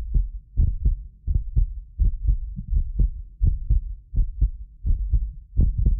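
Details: Heartbeat of a self-described medically fit person, recorded with more than six precision contact microphones; regular low thumps about 85 a minute, some doubled clicks from the roughly 6 ms microphone delay, not the heart; normal heart sounds.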